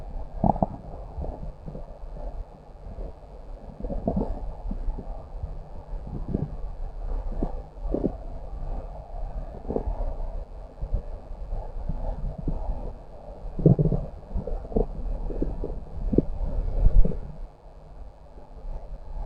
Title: Stomach growl